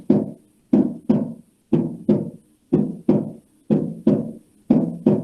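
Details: Heart auscultation demonstrating physiological splitting of the second heart sound into its aortic and pulmonary components, produced by closure of the semilunar valves.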